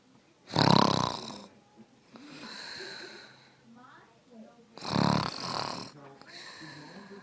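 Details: Two loud, rough inhaled snores about four seconds apart, each followed by a softer breath out, with quiet room noise; snoring.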